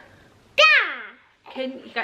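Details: Girl nearly 3, recently diagnosed with childhood apraxia of speech, attempting "dog" when prompted; childhood apraxia of speech.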